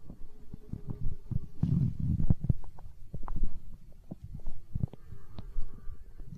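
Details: Stomach growling (borborygmi), hunger sounds from an ASMR recording: low gurgling rumbles with bubbly pops.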